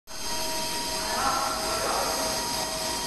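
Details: Demetdent JD-T5 5-axis dental milling machine running: steady high-pitched mechanical whine with constant hum.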